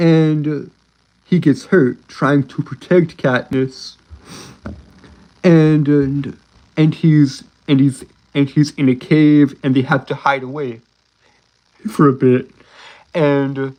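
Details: Adult male with a self-described speech impediment, a stutter; stuttering.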